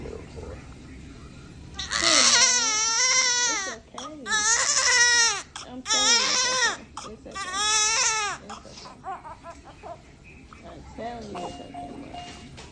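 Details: Healthy newborn baby boy just after natural unmedicated birth at 39 weeks, first-time mother: four loud rhythmic wailing cries, strong and clear, then softer whimpers; vigorous newborn cry.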